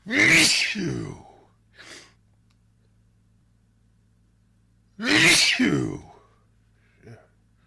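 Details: Two forceful sneezes, each with a sharp intake and explosive burst and a soft sound after, in a sneezing fit attributed to allergies; sneezing.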